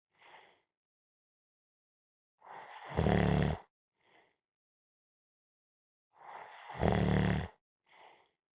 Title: Napping -Snoring Sounds